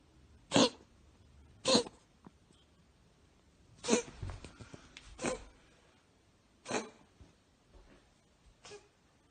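A cat gives six short, sharp sneezes over about nine seconds, with quiet gaps in between.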